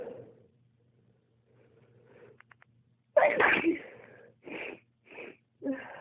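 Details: Sneezing spell triggered by cold toes on getting out of bed, a trait shared with the father: quiet breathing and short catches, then a forceful sneeze followed by several quick repeat sneezes; sneezing fit.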